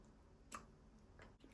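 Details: Newborn girl delivered by elective caesarean, described as also straining with infant dyschezia: a faint, sharp hiccup click in a quiet room, then a softer one.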